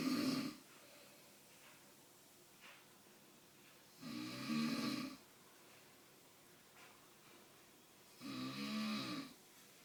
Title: Dad snoring